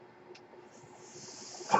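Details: Mechanical ventilator: the speaker's own ventilator during a quiet pause in his podcast speech, a soft, steady airy hiss that builds and ends in a brief puff as a breath is delivered.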